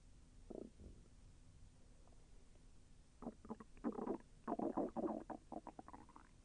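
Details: Bursts of bubbling, gurgling belly rumbles growing busier toward the end, heard during digestion; the person felt the intestine move with slight pain. Bowel sounds (borborygmi).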